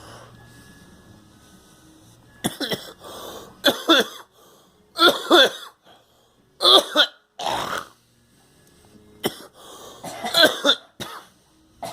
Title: Me and girl coughing